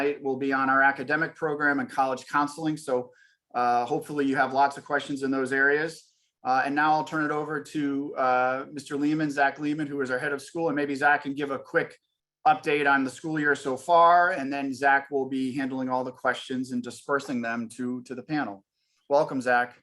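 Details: Adult male speaker; Normal voice.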